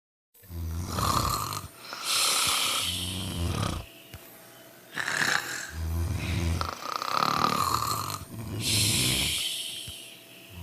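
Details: Three sleepers snoring together: loud, rough, rattling snores, about six in ten seconds, with a harsh buzzing tone on both in- and out-breaths; plain snoring.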